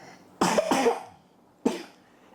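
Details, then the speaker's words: Cough recorded with a Boya shotgun (directional) microphone; the person coughing had been coughing all the previous night, with a suspected virus. "Any more coughing you'd like to do? Any demonstrations of sound?"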